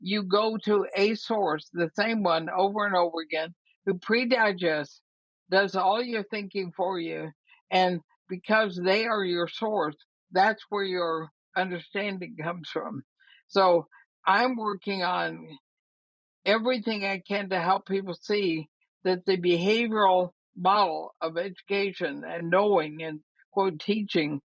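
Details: Dysarthria in a woman about 80 years old with ALS (Lou Gehrig's disease); she says she already has quite a bit of trouble speaking but believes she is still intelligible.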